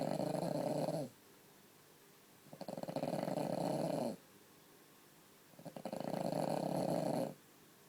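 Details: French bulldog asleep for hours after a broken toenail was removed that day, snoring and shaking: loud rattling snores with quiet pauses, about two breaths in eight seconds.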